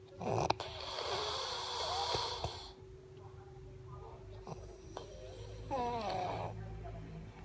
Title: Tidur ngorok